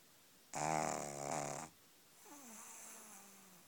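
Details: Pug puppy a few weeks old snoring: a single rough, buzzing inhaled snore, followed by a softer whistling breath.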